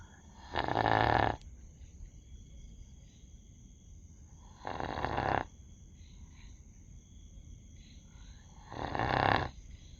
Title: dog sleep snoring ☺️😁🦮 #doglover #shorts #pets